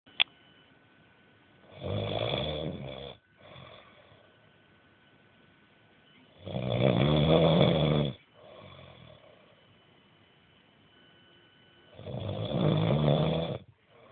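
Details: Man snoring in sleep: loud rattling snores on inhalation about every five seconds, with quieter breaths out between them; ordinary snoring.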